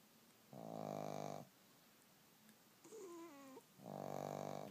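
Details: Two sleeping dogs: two buzzing, vibrating snores on the in-breath with a brief whine between them; snoring in sleep.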